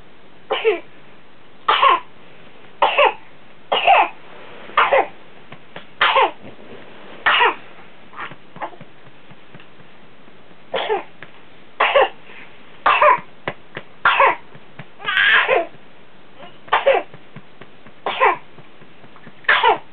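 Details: A boy coughs in short harsh bursts, about sixteen coughs in two runs, recorded for his doctor after antibiotics for pneumonia; whooping cough is suspected but unconfirmed.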